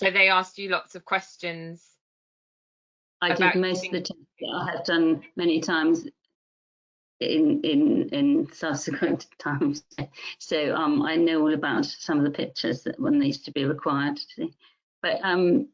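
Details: Adult woman music teacher with mixed-type primary progressive aphasia; word-finding difficulty began about four years earlier; primary progressive aphasia (mixed type).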